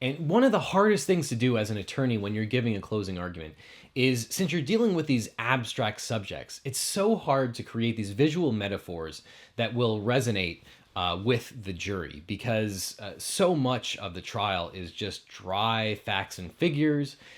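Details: Adult man; normal speech.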